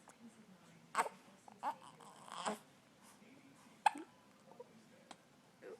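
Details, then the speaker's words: Baby boy with hiccups: about three abrupt, sharp hiccup sounds a few seconds apart, with soft sounds and quiet between; infant hiccups. "what is it you got the hiccups what is it buddy well talk to me uhuh are they bothering you the hiccups are you growing"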